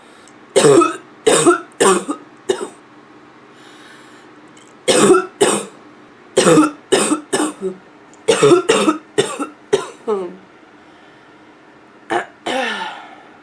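Harsh, hoarse coughs in repeated clusters, about 18 in all, with a barking quality.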